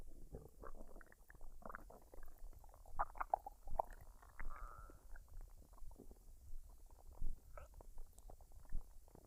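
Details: Woman's abdomen after a meal of fried rice and duck, unedited: irregular low gurgles and rumbles with brief high squeaks every second or so; normal bowel sounds.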